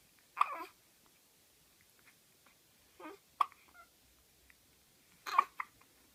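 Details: Twin baby with hiccups: three brief, abrupt catching sounds with soft voiced squeaks, about one every two to three seconds; infant hiccups.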